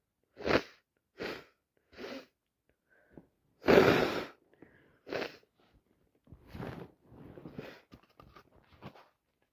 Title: Worst cold ever so much sneezing and blowing my nose #sneezes #cold #snotty